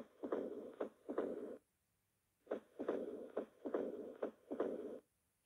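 Sharp heart sounds with a low rumbling murmur between beats, about 70 a minute, typical of moderate mitral stenosis.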